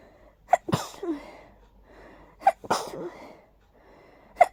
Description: Just a little hayfever sneezing fit. Not too intense, but very tickly